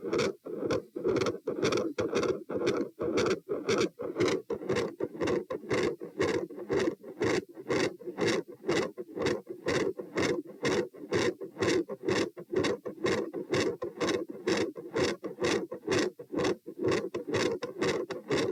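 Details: Auscultation stress test at position P, 90-126-72 bpm across sitting, standing and lying: machinery-like heart murmur, described as intermittent, with loud S2.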